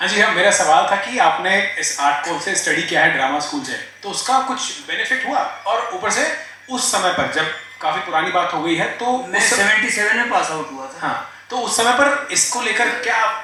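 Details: Adult; typical speech.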